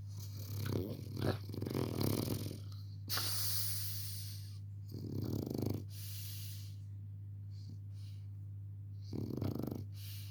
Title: My Frenchie puppy dog snoring at his best ,But we love him. #shorts #frenchieworld